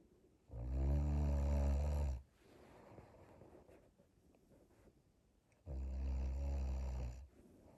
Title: My wife told me she never snores 😴